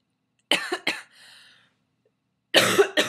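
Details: Sick person with a cold or illness, voice weak and hearing muffled, coughing: several harsh loose coughs in quick bursts with a brief wheezy intake between, in a quiet room.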